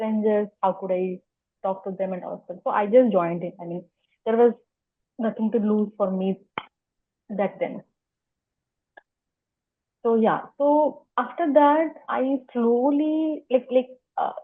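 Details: Adult woman who has stammered for as long as she can remember, speaking spontaneously in an interview; stuttering.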